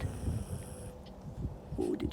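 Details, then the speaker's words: Dog Bree snoring, possibly with eyes open, with a deep sigh; snoring. "Oh, did you hear that? She's snoring. I think her eyes are open, but I can't even see her eyes. She's like snoring. She's doing her deep sigh."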